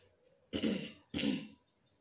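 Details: Occasional cough in someone with a badly scratchy, tickly throat, the cough coming on and off: two short, dry coughs close together in a quiet room. A brief tickly cough.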